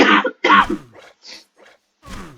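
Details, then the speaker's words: Adult man's cough during a chest cold he calls bronchitis, a bronchial or lung infection, not COVID: two strong, harsh coughs, then quieter wheezy breaths, a chesty bronchitis cough. "no this isn't coveted it's a bronchial infection or a bronchitis or whatever the hell you want to call it it's it's the chest cold like a lung infection type thing"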